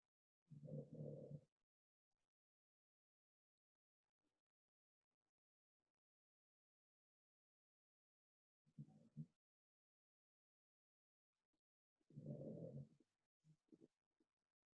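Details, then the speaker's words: Dog snoring while asleep: low, rattling snore bursts spaced by long quiet gaps. "if you guys hear that noise that is my dog snoring hey hey hey"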